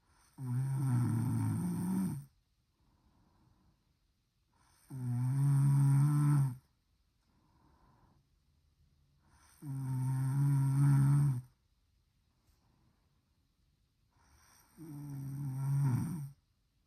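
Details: Snoring in a household member during sleep: four steady, buzzing snores on the breath in, about 12 a minute, with soft breathing out between them in a quiet room.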